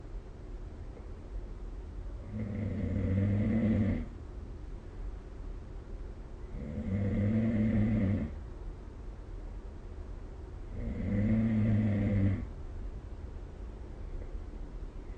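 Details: Snoring during sleep, recorded with the SnoreLab phone app: three long, even, rumbling snores at about 14 breaths a minute over a steady background hiss.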